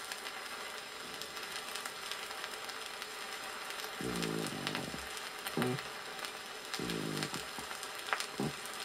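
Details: Harsh, creaking, grating bursts with inspiration and expiration over record hiss, from a 1961 USSR teaching record on pleurisy: a coarse pleural friction rub, the main sign of dry pleurisy.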